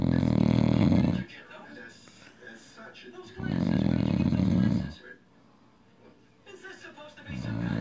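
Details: Drunk, passed-out adult man sleeping with loud rattling snores on each inhalation, about 2 per 8 seconds, with quiet exhalations between; heavy snoring.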